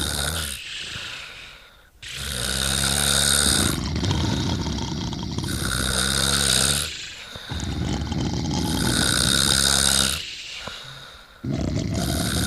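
Loud, harsh, rattling snores on each breath, roughly three to four seconds apart. Heavy snoring.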